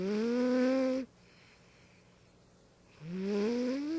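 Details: Snoring from a companion who lived 1985–2012: long, high, whistling tones on two breaths separated by a quiet pause, noisy breathing heard as snoring.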